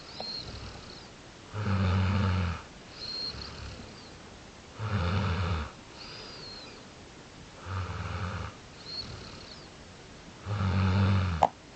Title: Snoring